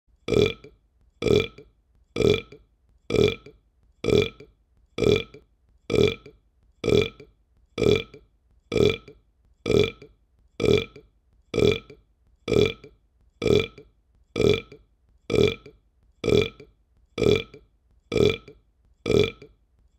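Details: Identical short burps repeating steadily about once a second in a looped one-hour burping track, with no breathing or speech: burping (eructation).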